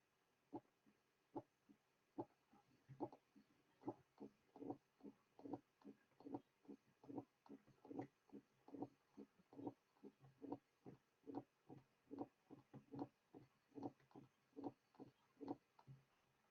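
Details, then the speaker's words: Regular heartbeat near 72 a minute, loud first sound followed by a low mid-diastolic rumble, with presystolic accentuation and an opening snap added: mitral stenosis. "A loud first sound is followed by a mid-diastolic murmur. The murmur will be introduced after the first few cycles. Now, a pre-systolic accentuation is added, followed by an addition of an opening snap."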